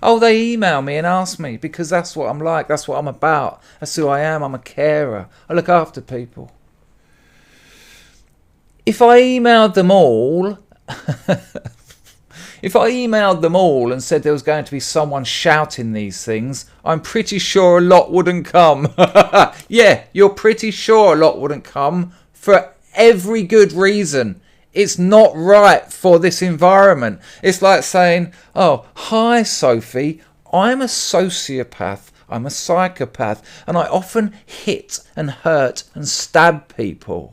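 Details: Adult speaker; normal speech.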